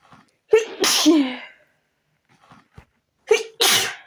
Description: just wanted to relax , but my nose decided to do other things.